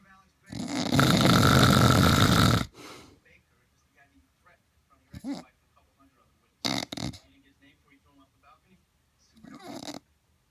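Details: One long, loud rattling snore followed by a few shorter, quieter snorting breaths separated by silence; snoring.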